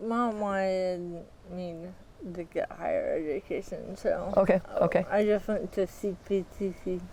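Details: 40-year-old woman with athetoid cerebral palsy, full-body involvement (quadriplegia), moderate to severe physical involvement, GMFCS level 3/4, uses power wheelchair; speech can be hard to understand; dysarthria.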